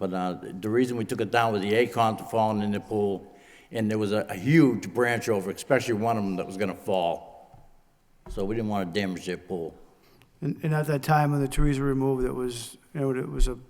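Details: Adult man speaking; Normal speech.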